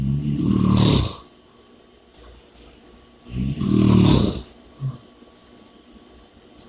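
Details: Loud, rattling snores on each in-breath with hissing out-breaths and short pauses between; snoring and heavy breathing during sleep.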